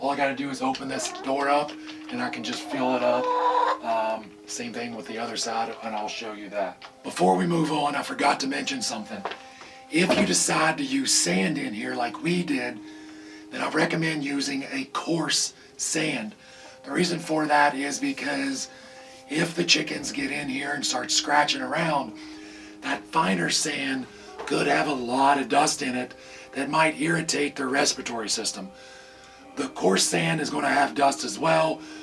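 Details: Adult man with vocal cord paralysis caused by surgery that damaged throat nerves, paralyzing the muscles acting on his vocal cords; he says talking is hard and hopes it is temporary; vocal cord paralysis.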